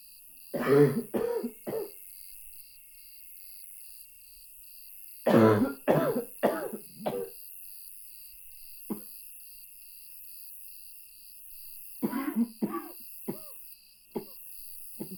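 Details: Three bursts of loud, harsh, repeated coughing separated by quiet pauses, faint steady background tone; coughing fits at 2 a.m., unable to stop, described as barking.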